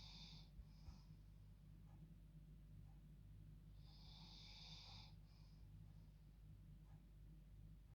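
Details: Female dog asleep in her bed, snoring like a human: a steady low droning breath with occasional snorting bursts; snoring.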